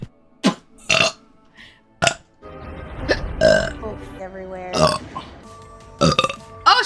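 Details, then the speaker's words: Vtuber burping: several loud, throaty burps between snippets of speech, with background music. "excuse me. That slipped out. At some point in time, he's gonna have to allow. That was a good one."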